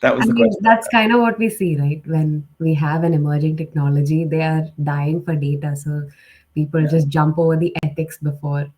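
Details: Adult speaker; Normal speech.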